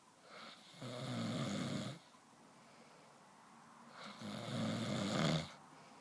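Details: Snoring: two long, loud, rattling snores on the in-breath, separated by a quiet out-breath; steady rhythmic snoring.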